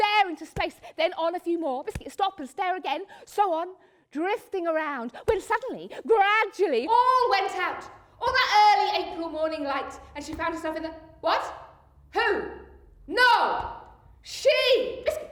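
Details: Adult woman performing a theatrical monologue; Tourette syndrome vocal tics.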